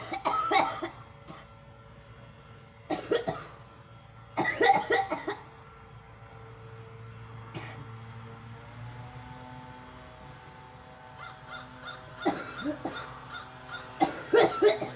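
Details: Several bouts of short coughs separated by pauses, from a girl, with soft music in the background.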